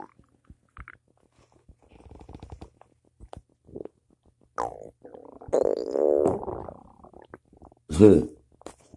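Several low gurgling, growling rumbles of varying length with quiet gaps; ordinary stomach rumbling.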